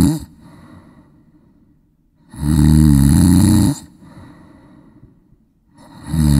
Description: Snoring sound effect for 10 minutes, snore sounds in high quality audio.